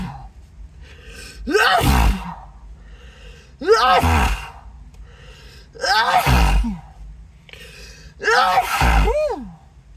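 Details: Acted sneezing fit: four loud sneezes about 2.5 seconds apart, each preceded by a rising inward gasp, with apologies. The speaker says they must be allergic to something and their nose is tingling and buzzing.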